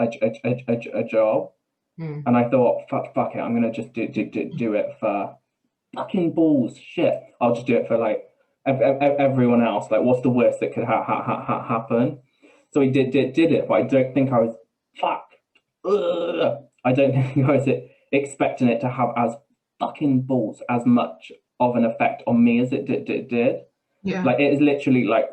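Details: Adult man with Tourette syndrome: vocal tics with coprolalia, involuntary swearing and blurted phrases mid-sentence; he also reports a stammer that worsens under stress.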